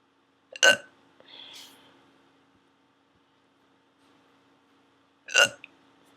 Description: they werent gone at the end just stopped recording